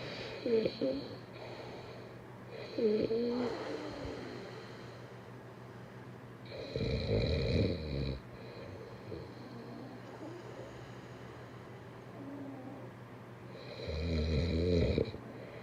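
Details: Sleeping person; loud rough snores recurring every few seconds, mixed with softer throaty breaths and steady room hum: snoring.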